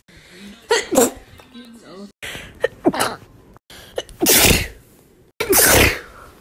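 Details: A run of several separate sneezes from one person, recorded over a year, each a sharp explosive burst of air, some with a quick breath in beforehand.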